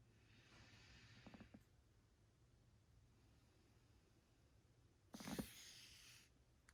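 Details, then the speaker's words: Two soft, breezy breath sounds through a stethoscope during deep breathing: normal, with no wheezes, crackles or stridor. "And there was no abnormal lung sounds, no wheezing or crackles or stridor heard."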